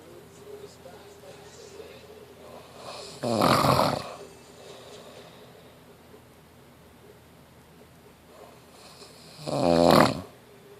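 Two loud, rattling snores about six seconds apart, each on an in-breath, with quiet breathing between.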